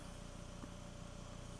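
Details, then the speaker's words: Steady low motor hum with rapid regular pulsing as a high-speed drill with a 3 mm two-fluted match-head burr drills bone during MIS TLIF spine surgery, collecting autologous bone graft. "we have our standard high speed drill with three millimeter of match head on it"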